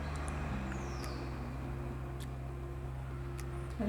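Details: Steady low motor hum with faint whine as an Omron automatic blood pressure monitor cuff inflates during a reading, room noise.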